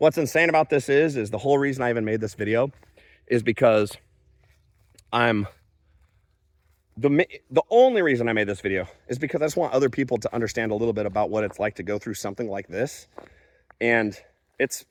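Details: Adult man speaking; aphasia.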